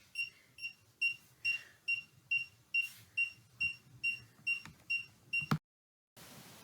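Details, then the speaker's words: Boston Scientific deep brain stimulation device, one week after implantation, with its neck-worn charger: regular high-pitched electronic beeps about 140 a minute, then a click and brief silence, as the charger is repositioned and starts beeping again. "after some mucking around i meant to get it on properly now it's going to start beeping again"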